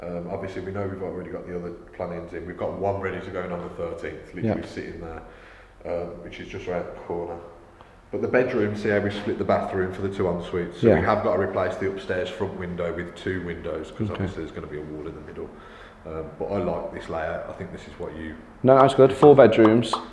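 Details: Adult man speaking; normal speech.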